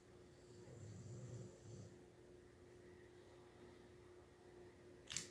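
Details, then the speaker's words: Sleeping Saint Bernard dog snoring: a single low, rumbling snore over a steady room hum, with a sharp click at the end. "crashed oh I know I hear her snoring over there yeah that's a st. Bernard snore"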